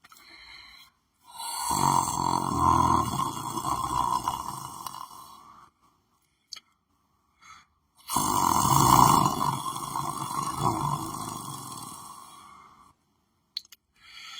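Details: Person lying down on the floor sleeping: two long, loud, harsh snores on inhalation, about seven seconds apart, with silent pauses between; heavy snoring.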